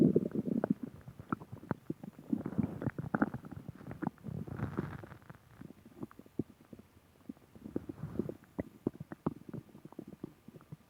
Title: Stomach growling